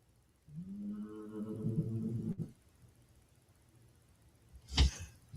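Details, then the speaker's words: A sleeping dog snoring in the background, heard during a live stream. "Can you guys hear that dog snoring right now?"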